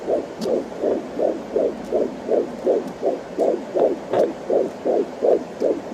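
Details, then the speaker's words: Rapid, regular whooshing pulses at about 160 a minute (fluctuating 161–162), a fetal heartbeat at 14 weeks of pregnancy picked up by a home Doppler on the right side of the uterus, with baby movement sounds; fetal heartbeat. "Now that, yeah, there we go. There's baby's heartbeat. Baby's heart rate is about 160."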